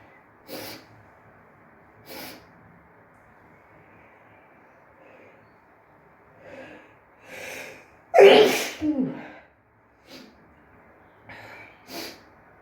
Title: bathroom sneezing fit (f)